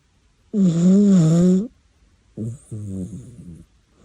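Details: Cat snoring: two loud snores, one long, deep humming snore and then a shorter rattling one. Each comes on an in-breath, with quiet pauses between.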